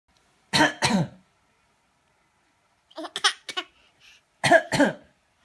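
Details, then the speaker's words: Infant imitating her daddy's cough: three short groups of cough-like bursts, a mimicked rather than true cough. "学爸比，学爸比咳嗽啊！"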